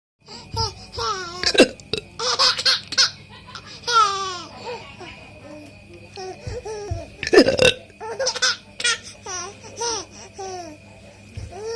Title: Father hiccup, baby laugh